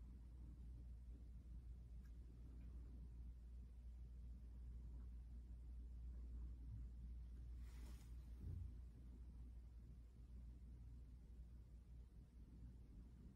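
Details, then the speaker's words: Student nurse's abdominal assessment with the other side of the stethoscope listening for vascular sounds: steady low rumbling with only the normal swoosh and no bruit. Normal abdominal vascular sounds. "okay all of those sound really normal I don't hear anything um other than the normal swoosh I'm supposed to"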